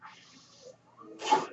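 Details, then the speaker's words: Mechanical ventilator delivering a breath to the adult male user while he speaks: a soft airy hiss followed by a sharper puff of rushing air. "Hello everyone, that noise you're hearing is my ventilator."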